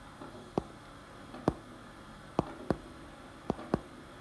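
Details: Mitral valve prolapse: crisp heart sounds at about 66 a minute with a midsystolic click, best heard over the apex, loudest just before S2.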